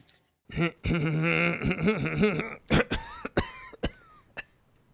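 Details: Voiced, drawn-out sound then several short, sharp throat-clearing bursts in a comedic sneeze demonstration; throat clearing.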